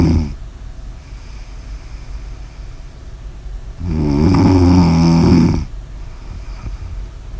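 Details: Ordinary snoring: one loud, rough, low rattling snore lasting about two seconds over quiet room noise.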